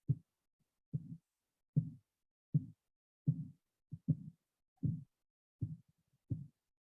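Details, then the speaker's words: Recording of a blood pressure measurement: regular soft thumps at about 77 a minute that start at systolic pressure and fade at diastolic pressure; Korotkoff sounds. "that's the systolic pressure and that's going down to the in between beat pressure the diastolic pressure so that's what it would sound like"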